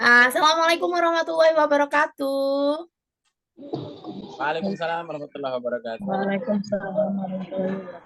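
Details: Adult speakers, online meeting; Normal voice.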